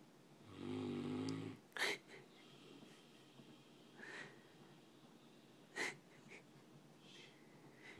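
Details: One loud, deep, buzzing snore, then snorting breaths and short whistly puffs from a sleeping giant Mastiff dog; heavy snoring.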